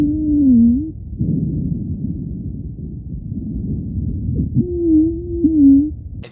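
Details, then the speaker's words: Recording from a digital stethoscope of an asthmatic patient: musical, whistling tones rising and falling over soft breath noise, wheezes from narrowed airways in asthma. "now if that wasn't impressive enough Echo Health was kind enough to share the sound of an asmatic listen to"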